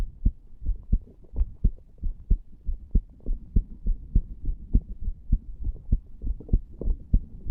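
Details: 34-year-old male lying on a bed after nicotine from a cigar and cannabis, recorded over the tricuspid area: loud, regular lub-dub heart sounds at about 100 beats a minute, fast but regular.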